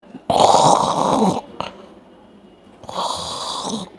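Two loud, harsh, rattling breaths about two and a half seconds apart, with quiet between them: loud snoring.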